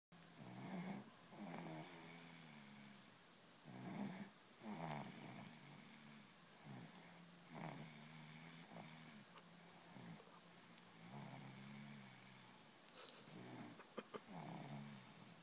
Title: My little gem snoring